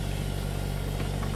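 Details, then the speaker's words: Steady low motor hum with faint rhythmic pulsing as a donated oxygen concentrator is switched on after setup; green indicator shows normal operation; flow adjustable 0–10 L/min. "selanjutnya kita masuk ke mode pengoperasian baik setelah waktu pasang terinstal selalu lengkap maka teman-teman tinggal menekan tombol on off"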